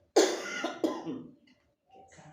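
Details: An adult gives two harsh coughs in quick succession, then a soft breath; the speaker mentions dryness, the lung lining, and pain on the right and left when breathing in deeply.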